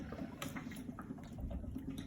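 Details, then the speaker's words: Bubble CPAP circuit leak test: steady low bubbling and gurgling of water under room noise after the circuit is reconnected; continuous bubbling shows a sealed circuit with no leak. "And at that point, the bubbling has ceased. And when I reconnect, we have bubbling, but that leak could be anywhere."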